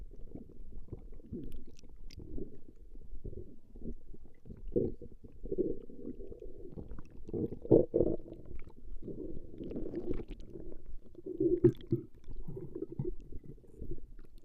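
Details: Recording of a woman's stomach growling: continuous low rumbling and gurgling with irregular louder swells from gut movement; ordinary borborygmi.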